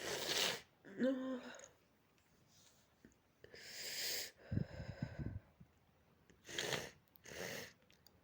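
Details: Person with dog allergy, runny itchy nose and watery eyes, antihistamines taken but not yet working: several sharp sneezes and snorting nasal bursts with short pauses; residual allergic sneezing.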